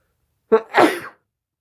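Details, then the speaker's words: Adult announcing an impending sneeze, then a single sneeze: a short voiced intake followed by a burst of hissing air. "hang on I'm gonna sneeze well for Scarlett's birthday terrible twos I I'm ready for my sneeze to come for Scarlett"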